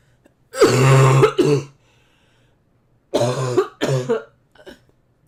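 Two short paired bursts of voiced coughing from a child, a couple of seconds apart, with a faint trailing sound at the end.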